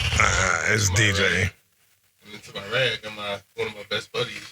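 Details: Adult man speaking; normal adult speech.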